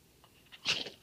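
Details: A single short, sharp snort-like burst in a quiet room from a papillon mix dog who sneezes often when asked about a family member; a dog sneeze.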